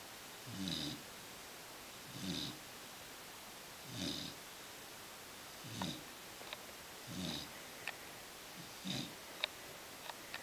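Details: Regular, soft, rasping snores on each breath, about 35 breaths per minute, from a black Labrador puppy sleeping on his back in a quiet room; snoring.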